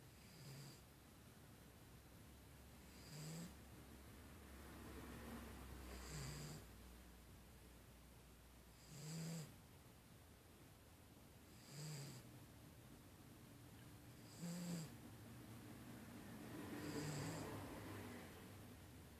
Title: Snoring cat